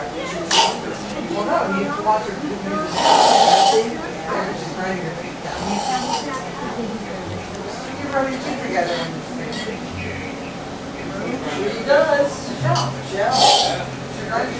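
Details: Sleeping person snoring loudly; rough, rumbling snores recurring every few seconds like a sick lion trying to roar, with faint background talk; heavy snoring during sleep.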